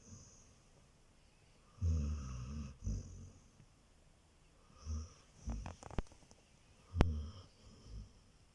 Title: Хаски Джена храпит 😴😆 Husky Jena snores😴🤫